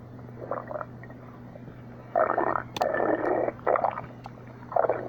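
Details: Stomach growling (borborygmi), recurring: several gurgling, rumbling bursts over steady low room hum.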